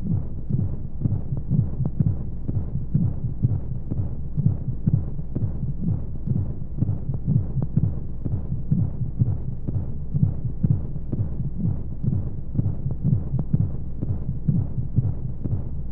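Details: Womb-sound sleep aid for babies: steady muffled low heartbeat thumps at a regular rate over a constant whooshing white-noise hum of flowing sounds, as heard inside the womb.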